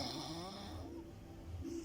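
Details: Human vs animal snoring contest: a short stretch of low, rattling snoring with a droning quality, with faint music in the background; snoring.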